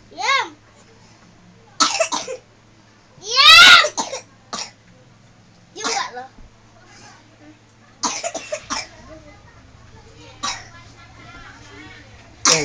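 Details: A child coughs several times in short bursts between quiet gaps, with some vocal sounds; others ask whether it is fake, so the cough may be put on.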